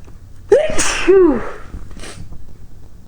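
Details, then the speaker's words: Sneeze deliberately induced by tickling the nose with basil plant silk, caught in a striped grey handkerchief: rising voiced 'ah' build-up, one forceful sneeze, brief sniff. "I'll have to induce when I want to sneeze for you and today I'm today I'm using a silk of a Bassel plant and I'm trying to catch the sneezes in a big gray hanky with some stripes on"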